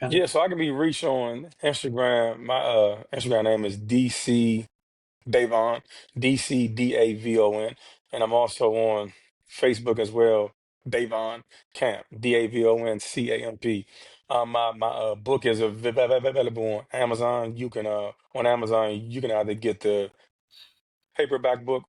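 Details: Adult man who stutters; stuttering.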